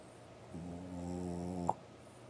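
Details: French Bulldog sleeping late at night: one drawn-out buzzing snore ending in a short snort.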